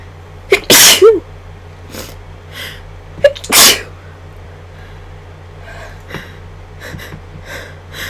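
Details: Two strong induced sneezes, each a quick in-breath then an explosive burst, followed by quiet breathing over steady room hum.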